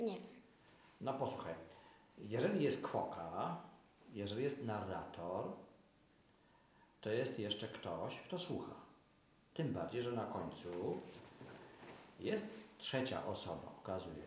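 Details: Adult male speaker; typical speech.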